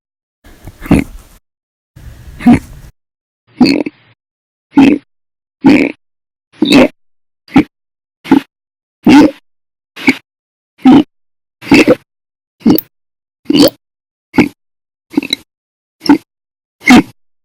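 Sharp, abrupt hiccups in a long series, about 70 a minute, spaced fairly irregularly with silence between.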